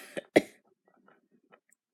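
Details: Two short, sharp cough bursts followed by quiet, from a person at home.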